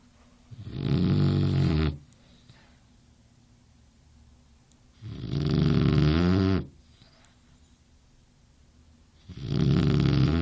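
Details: Boxer puppy: loud, rattling snores about 15 per minute, each over a second long with quiet gaps between; snoring.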